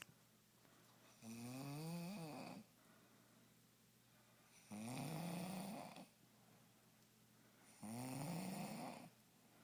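Three loud, rattling snores on inhaling, about 19 a minute, separated by quiet breathing out; ordinary snoring.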